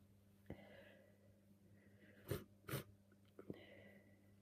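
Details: Two wet, messy sneezes with a cold, uncovered and spraying snot, each after a gasping inhalation in a quiet room; the person has been sneezing all day.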